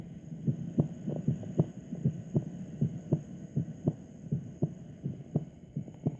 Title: Ruidos Cardiacos